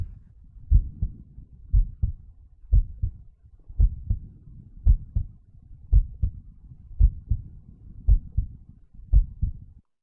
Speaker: Okay, this is a loud S1 which you're gonna hear now.